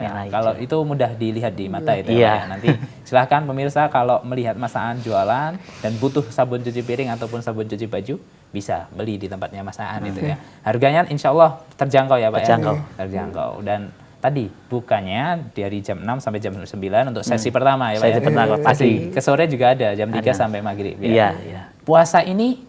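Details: Adult male speakers in conversation; normal speech.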